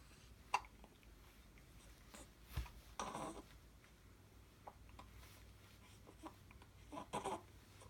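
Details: Several short, abrupt hiccup sounds from an infant in a quiet room.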